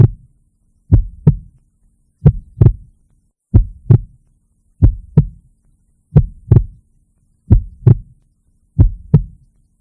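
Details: Heartbeat: clear, regular lub-dub heart sounds at about 47 beats a minute, a slow steady rhythm.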